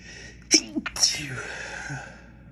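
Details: Person sneezing after dropping a container of white pepper while cooking: a sharp sneeze, a quick catch of breath, then a second explosive sneeze from pepper irritation.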